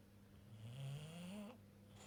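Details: Bulldog almost 2 years old: a single low, rattling snore with a rising pitch on the inward breath.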